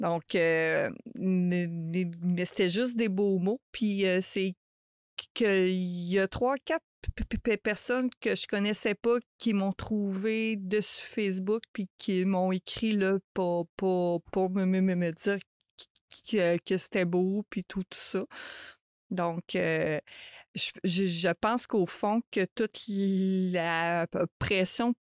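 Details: Adult woman who stutters, a mother of two teenagers, speaking French in a podcast interview; stuttering.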